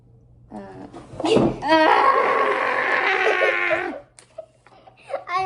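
A baby's brief whimpers building into a sustained wailing cry, heard in a room.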